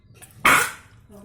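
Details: Single short, harsh, forceful dry hacking cough from a pet dog; owner asks what medicine to give.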